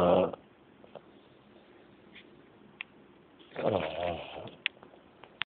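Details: Snoring while tired and asleep: two rough, rattling breath sounds with a quiet pause between them in a quiet room.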